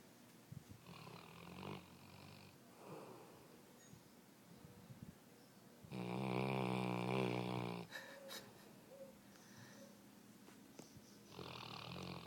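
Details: Female golden retriever in very deep sleep snoring: soft raspy breaths with one louder, longer rattling snore in the middle.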